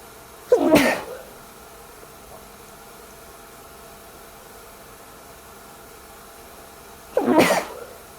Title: Covering my sneezes with a towel